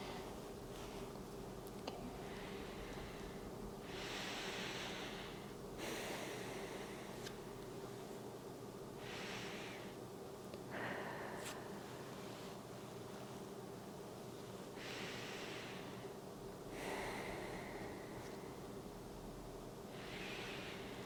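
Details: Real adult woman at annual head-to-toe checkup, stethoscope over chest while taking slow deep breaths in and out, about ten a minute; smooth, clear lung fields, no wheezes, rales, rhonchi or adventitious sounds; normal breathing.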